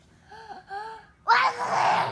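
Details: A child's voiced 'ah-ah' build-up followed by one forceful, noisy sneeze burst, one of a series of repeated, severe sneezes.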